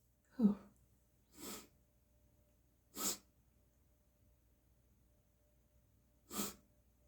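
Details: Four sneezes come in quick succession under backlit lighting, the later ones wetter and increasingly congested. Sneeze.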